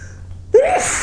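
A quick intake of breath followed by one sharp, loud, explosive sneeze.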